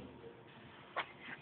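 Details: Infant sneezing: a single soft, brief sneeze in a quiet room, one of a series of ordinary sneezes.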